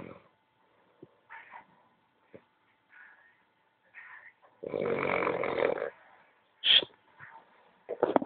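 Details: Sleeping small dog snoring: soft snuffling breaths and one louder rough, buzzing snore, with brief squeaky sounds.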